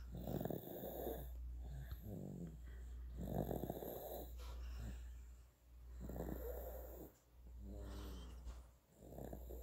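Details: 9.5-month-old infant asleep and drooling: soft, rough, noisy breaths recurring every couple of seconds over a steady low hum; infant snoring.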